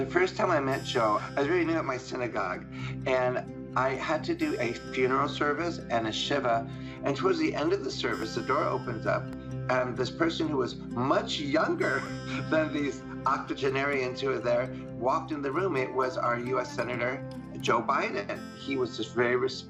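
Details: Adult speaker; normal speech.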